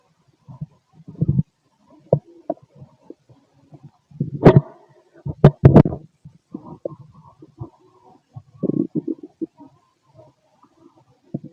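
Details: Male stomach and bowel noises 6 hours after eating: irregular gurgles, squeaks and rumbles of ordinary digestion.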